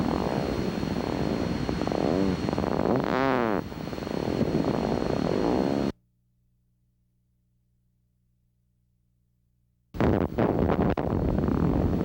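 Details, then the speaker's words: Needle EMG discharges waxing and waning in pitch and loudness, the dive-bomber sound of myotonic potentials. These indicate myotonic syndrome until proven otherwise, or acid maltase deficiency. "Only a few other diseases show myotonic potentials on the needle EMG. One of them is acid maltise deficiency. Watch and listen to myotonic potentials."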